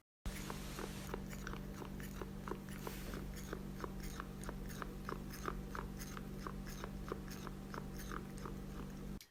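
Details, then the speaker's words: Adopted indoor cat eating wet and dry food makes rapid, repeated crunching teeth-grinding clicks while not eating, over a low hum; feline bruxism, possibly indicating mouth pain, later stopped after teeth cleaning. "that took me to the world of feline bruxism and I didn't realize this was a thing but apparently it can be indicative of a problem"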